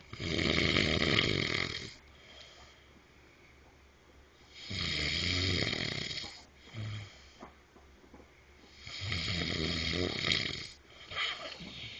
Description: I was buggin my husband while he was sleeping cause his snoring was a little too loud lol...